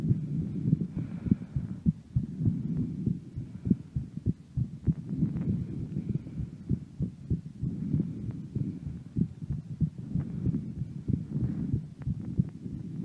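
Repeated low thumping heartbeats under a soft hum, recorded while the breath is held.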